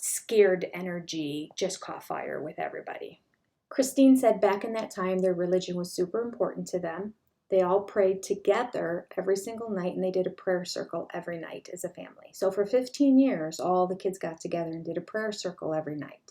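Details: Adult woman narrating; Normal fluent speech.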